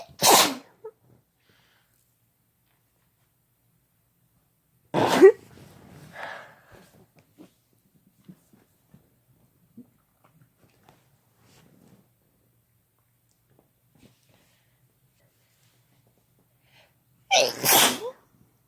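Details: Sneezing induced by chhinkni (sneezing powder): three separate sharp, explosive sneezes spaced several seconds apart, with faint rustling between them in a quiet room.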